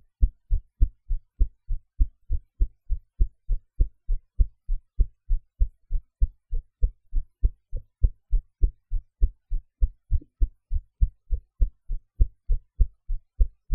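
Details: Own heartbeat recorded after eating, in a different posture from usual, with some noise edited out; regular, clear lub-dub at about 100 beats a minute, normal heart sounds.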